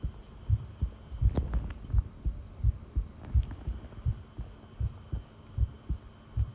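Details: Long-duration heartbeat recording: steady, dull lub-dub thumps at about 85 beats a minute over a faint background hum; regular heartbeat.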